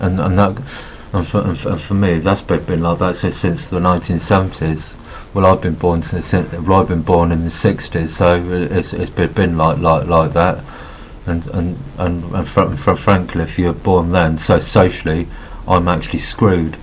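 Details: Adult man with Asperger syndrome who says he has a bit of a stutter and refers to notes because of his stuttering. Stuttering.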